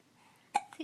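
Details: Baby girl babbling gets the hiccups: a single sharp, abrupt vocal catch after quiet, then soft babble; infant hiccup.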